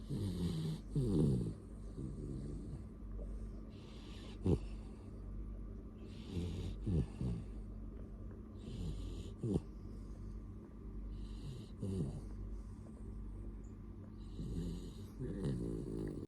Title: Snoring dog